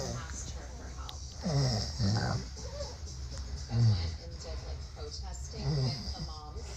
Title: Big Nose Man Snoring